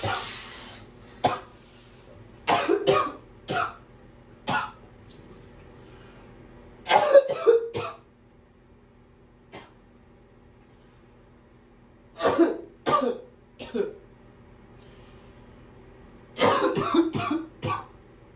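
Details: Repeated bouts of harsh clustered coughs with throat clearing, several short fits over about eighteen seconds, in the shower, from a person with a throat bug that won't let up; coughing fits.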